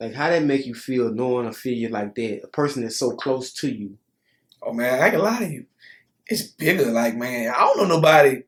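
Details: Adult male speakers in conversation; normal fluent speech.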